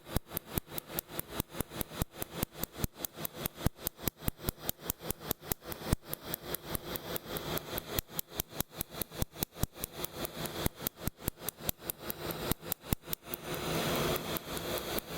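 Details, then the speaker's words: Rapid snapping pulses, about 146 a minute, from a laser tattoo removal device firing on a woman's central chest tattoo, second session, frequency raised from the first, poorly numbed and more painful. "In addition to the fact that they generally turn up the frequency of the laser with every session. So this one is significantly more painful in my opinion than the first one."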